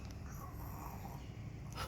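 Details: Dog sleeping under a table snoring: steady low, rough rumbling in a quiet indoor room; snoring.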